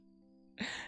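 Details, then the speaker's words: Single brief hiccup in an adult while talking, which sounds like gagging: one abrupt, gulping voiced burst over soft background music, a harmless hiccup. "Like, okay, guys, if you don't know what that is, that's me having a little hiccup. But when I try to talk while the hiccup, While it's happening, it sounds like I am gagging and dying."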